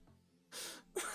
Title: HOT MIC SNEEZE😂